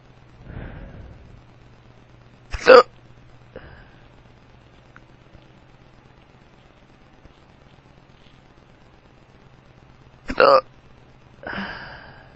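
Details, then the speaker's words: Adult man, drunk, with powerful hiccups that hurt his tummy: two sharp, abrupt hiccups several seconds apart with softer vocal sounds between, as he says his hiccups sound weird and he's drunk; hiccups. "You have the hiccups. Ow. Oh. I'm drunk. Oh. My hiccups sound weird."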